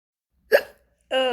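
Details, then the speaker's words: A single abrupt, sharp hiccup, then a short pause and the start of a voiced sound, during a recurring bout of hiccups that come out of nowhere; holding breath reportedly doesn't help. "here we go again [Laughter] back with the hiccups oh dear so uh they just come out of nowhere you gotta try hold your breath but I don't think that works no it doesn't work be back with more [Laughter]"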